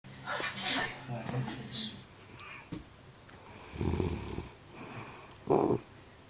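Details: Snoring mother: wet, gurgling, gargling snore bursts on inhalation, with background voices.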